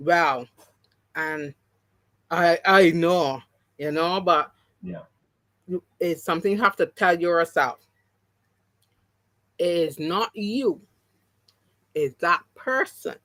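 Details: Adult woman with three strokes (2017, 2018, 2019); the first, haemorrhagic, took her speech and paralysed her right side; she relearned to talk, though some words will never return: mild aphasia after stroke.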